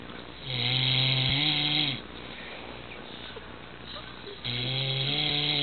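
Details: Two loud, rattling, buzzing snores on breathing in with a quiet breath out between, from a father who fell asleep while sitting; typical snoring.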